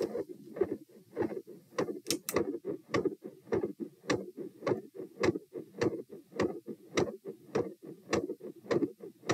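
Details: Heart auscultation at position T during a stress test (lying, sitting, standing, knee bends, standing, lying; rate 84–96–108–120–96 bpm), quiet becoming very loud; heart sounds with rising rate, murmur changes, split S2 and extra sounds.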